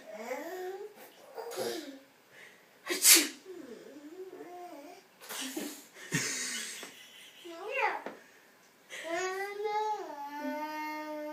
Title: Fake Sneezing in the Tub!!